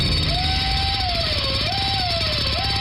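A high, steady whine rising and falling in pitch as it loads, the whir of a dental drill, heard over noisy background.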